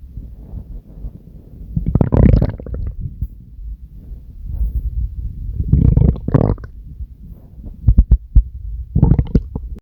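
Deep rumbling with several louder gurgling surges and a few sharp pops: stomach growling produced on purpose.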